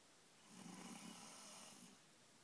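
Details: Snoring: a single soft, rough snore on one breath against faint room hiss.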